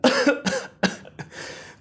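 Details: Four harsh, loud coughs in quick succession ending in a throaty exhale; acted coughing in a comedy sketch, character with a cold, hoarse voice, headache and difficulty breathing.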